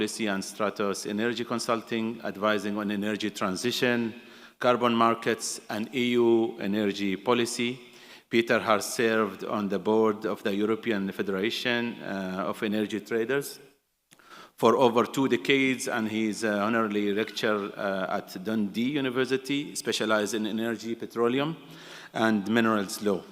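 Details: Adult male speaker; typical voice.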